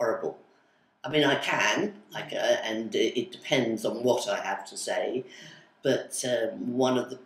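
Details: Aphasia with sudden onset in an adult woman, who woke up one day unable to speak and has word-finding difficulty, especially with numbers, months and colours; attends speech therapy communication group.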